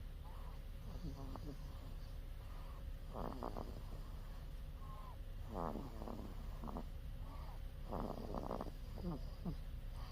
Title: cute baby snoring/ baby snoring